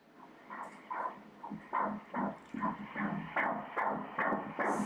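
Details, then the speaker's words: Fetal heartbeat on Doppler during an ultrasound at 13 weeks of pregnancy: rapid, regular whooshing beats at 145 beats per minute, a normal rate. "notice there the baby's heart beating it's always nice to hear the heartbeats is a something you don't forget many years go by and the person always remembers that noise here, look"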